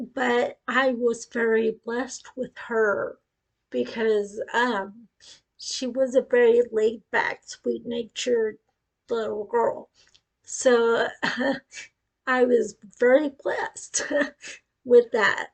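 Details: Woman with acquired cerebellar ataxia after a brain tumor at age 18; told it was non-progressive but reports it is now deteriorating, with her speech affected; ataxic dysarthria.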